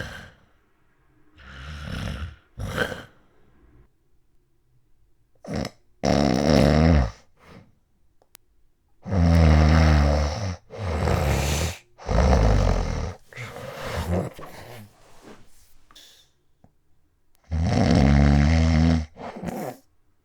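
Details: Very loud, harsh rattling snores in bursts separated by quiet pauses, self-recorded overnight in 2016 by a person with sleep apnea: loud snoring, obstructive sleep apnea.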